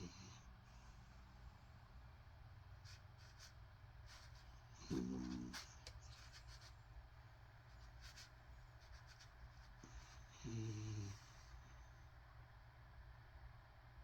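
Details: Sleeping dog snoring: two brief, rough snoring breaths about five seconds apart over steady room noise.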